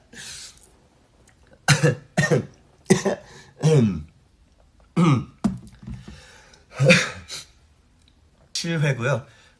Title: Stray Kids coughing